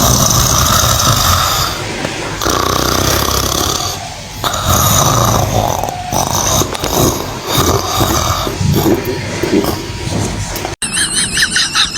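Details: Cow snoring: loud, rough snorting snores from the large animal, with outdoor noise and music at the end.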